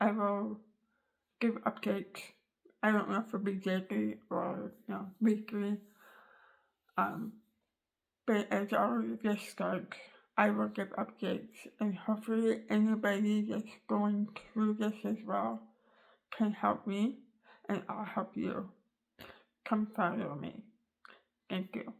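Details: Adult woman after tongue cancer surgery removing almost all of tongue, floor of mouth, bottom teeth and part of jaw; tongue rebuilt with leg tissue, sewn to gums; cannot form words with tongue, learning to manipulate mouth; articulation disorder after glossectomy.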